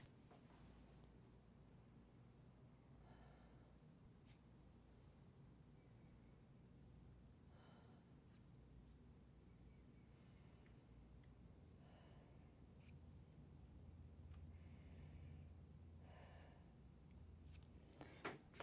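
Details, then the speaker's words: Deep mouth breathing during stethoscope lung auscultation: the patient sits with shoulders rolled back and takes full breaths through the mouth to avoid nasal whistles; about four slow, deep cycles over a low room hum. "so the same position for you shoulders rolled back and every time I place the stethoscope on you you take a full inhalation and exhalation through your mouth the reason we're going through the mouth is you don't get any whistles for the nose"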